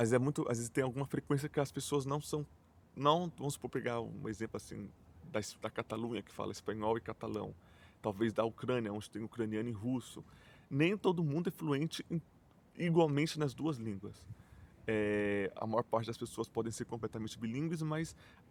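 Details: Portuguese-speaking adult who stutters, self-described as mostly blocks and silences with some repetitions; stuttering.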